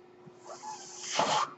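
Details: The speaker's own mechanical ventilator, recorded during his talk; the speaker identifies the noise heard as his ventilator. Mechanical ventilator.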